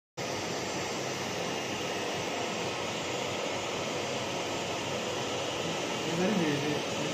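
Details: Fractional CO2 laser facial rejuvenation on an elderly male patient: steady loud rushing hiss with faint whir of the laser and suction during treatment.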